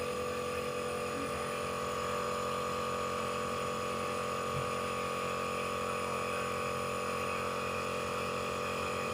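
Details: Steady loud mechanical hum and buzz of a nebulizer compressor running throughout, used as a treatment for a persistent productive cough that has not healed.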